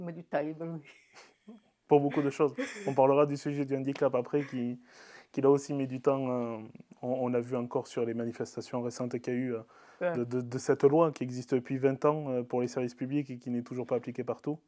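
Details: Adult male speaker; typical speech.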